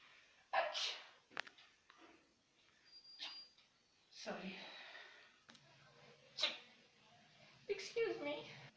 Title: SNEEZING Girls v/s Boys